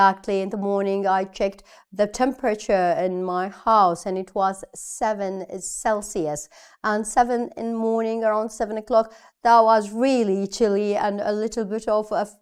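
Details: Adult woman speaking; normal speech.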